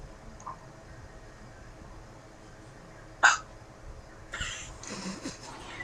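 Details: Woman with hiccups during a conversation: a single sharp, abrupt vocal catch, followed by voices.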